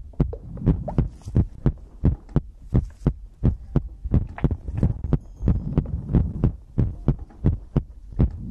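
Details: Steady, soft, low thumps at about 87 a minute over a faint hum; a normal heartbeat recorded for an ASMR sleep compilation.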